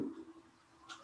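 After a brief silence, a muffled, humming voice sounds through the chest with no clear words: normal vocal resonance.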